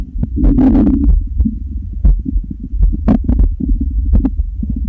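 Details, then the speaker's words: Loud, low gurgling and rumbling with bubbling pops from a girl's hungry stomach, one of several girls' stomach growls collected; ordinary hunger borborygmi. "i can feel that [Music] it's okay oh it's okay tummy we'll feed you"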